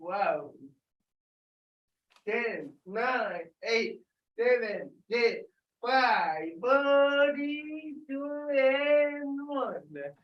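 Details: Dysarthria in an adult with cerebral palsy, calling out an exercise after being prompted to talk loudly.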